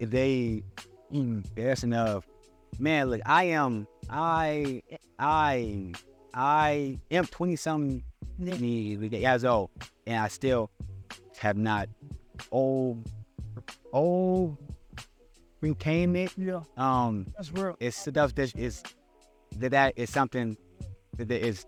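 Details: Adult male podcast co-host who stutters, describing a speech impediment he still struggles with; stuttering.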